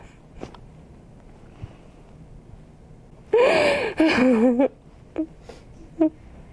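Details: A woman gives a sharp, voiced gasp after a quiet room, then a shaky, wavering vocal exhale and soft catches, while a chiropractor adjusts her during a fascia healing session; gasping.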